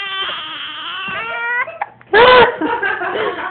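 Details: Baby boy with hiccups: a high, wavering infant cry, a brief pause, then a louder sharp outburst of crying.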